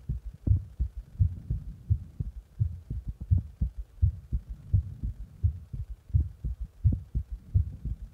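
Steady low thumping heartbeat at about 85 beats a minute, paired beats clearly heard.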